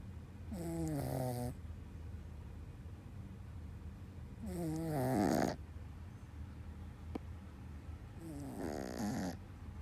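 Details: A pet dog gives three slow, vibrating, whistly snores about four seconds apart (roughly 15 a minute) over steady room hum; ordinary snoring.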